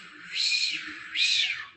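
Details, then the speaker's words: Two loud, high-pitched whooshing pulses, a vocal imitation of the Doppler sound of an arteriovenous fistula in a renal transplant, with high flow velocities. "Miren, altas, y el sonido es típico, yo le digo eso a los residentes, escuchen el sonido de estas fístulas arteriovenosas y no se van a olvidar, son sonidos que más o menos son así,"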